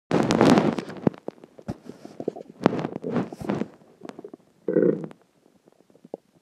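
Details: Stomach growls (borborygmi) from a combination of dinner, water and gas: loud gurgling and bubbling rumbles with crackly pops, coming in bursts.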